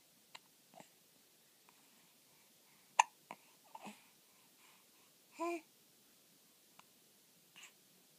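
A young child hiccups repeatedly, with short, sharp catches and a brief voiced sound between them.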